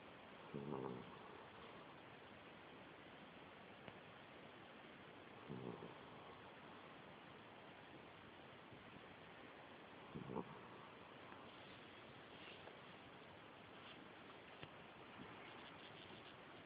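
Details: Pet snoring recorded on a mobile phone: faint, low snoring snorts, about twelve a minute, over a steady room hiss.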